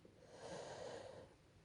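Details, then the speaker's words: Dog snoring very loudly beside the speaker: a single rough, noisy breath with a low fluttering rattle, rising and fading in under two seconds. "you'll have to forgive me because my dog is snoring very loud at the side of me and you can probably hear him"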